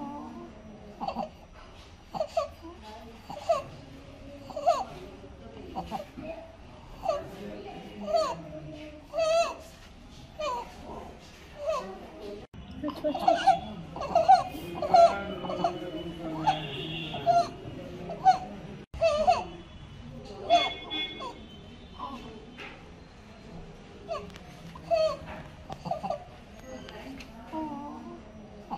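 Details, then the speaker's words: Sleeping 1.5-month-old infant, likely in hospital, with rapid breathing and a high, squeaky noise on each inspiration: inspiratory stridor from laryngomalacia. "I would like to check on there is a noise while he is bre"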